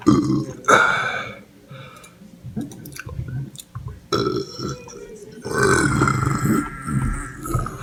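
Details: Several loud, drawn-out belches separated by quieter pauses; repeated burping.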